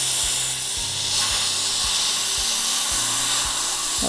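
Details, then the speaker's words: High, steady hissing whine of a dental handpiece with water spray over a soft regular low pulsing, as an occlusal finishing bur shapes a new composite filling on tooth #14 in a 39-year-old patient. "for me my favorite finishers is the occlusionator it helps me create really beautiful occlusal anatomy so we're going to start the finishing process"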